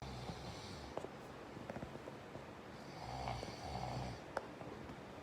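Soft, low rumbling snore on a breath within noisy, quiet room sound.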